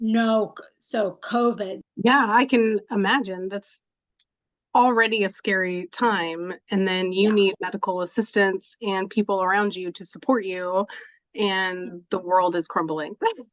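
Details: Adult woman speaking; no speech disorder.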